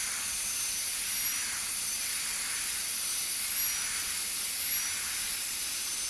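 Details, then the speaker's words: Continuous high-pitched hissing whine of a high-speed dental handpiece during mesial proximal reduction of a primary molar on a typodont model. Sharp margins are being rounded in a stainless steel crown preparation demonstration. "Along with the reduction, I am also roundening the surface, and any sharp margin of the tooth has to be rounded. You can also use a finishing burr for doing this."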